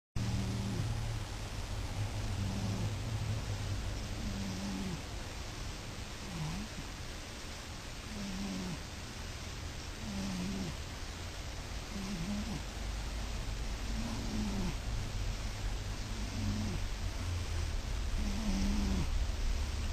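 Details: Soft, regular snorts, about 30 per minute, over steady background hiss from a sleeping male cat nearly 7 years old; normal sleep snoring.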